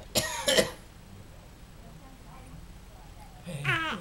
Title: Grandpa coughing